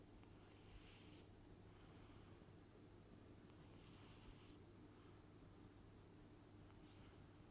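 Steady low rumbling noise with three hissing breath sounds, about one every three seconds, over a constant background hum: snoring breaths.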